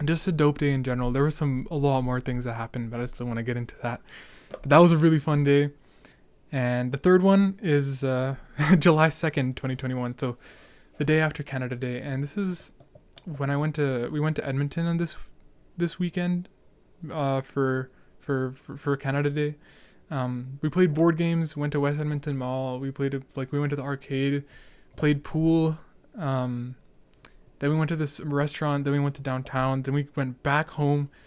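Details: Real young male speaker with a stutter, with hesitations and word repetitions, who right afterwards says he is stuttering a lot; stuttering.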